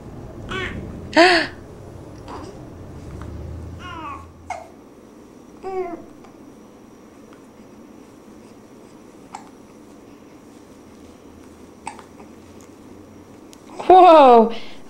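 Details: Infant hiccups while kicking her legs: brief abrupt voiced catches scattered among baby babbling and squeals.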